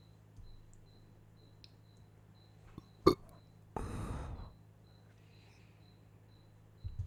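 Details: Burping after a meal: a sharp click followed by a longer, rumbling belch in a quiet room with a faint steady beep.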